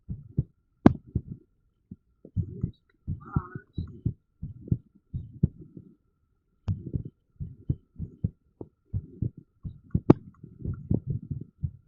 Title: irregular heartbeat sound with tens ⚡️⚡️